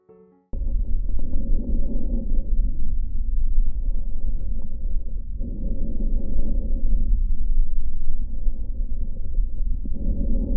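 Soft, low rushing breath sounds through a stethoscope with steady airflow and no added crackles or wheeze: normal lung sounds.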